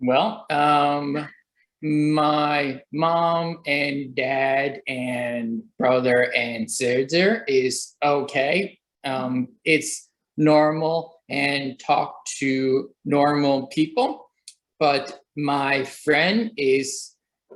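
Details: Young adult who had a stroke at age 28, about three years earlier, while on chemotherapy, resulting in aphasia. Finding: aphasia.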